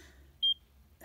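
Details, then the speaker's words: Check Me Pro portable ECG device held in left palm, thumb and index finger on sensors, during 30-second recording; pulse rate about 80–86; ECG monitor pulse beeps. "a 30 second calibration it's going to check for 30 seconds right now it's already reading your pulse rate at 80 minus 86.87"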